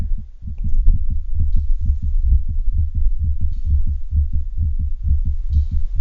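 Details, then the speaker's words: Cat with hypertrophic cardiomyopathy: rapid heartbeat with an intermittent extra soft sound before some beats, an S4 gallop from the atrial kick into a stiff ventricle, coming and going on this recording. "it's usually thought to be an s4 gallop happening as a result of the atrial kick into the stiff ventricle we'll listen here for the gallop which comes and goes on this recording"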